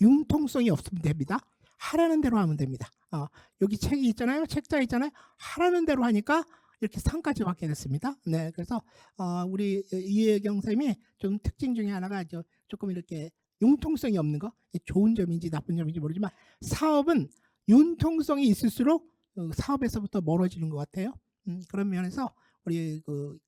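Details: Adult speaker; Typical speech.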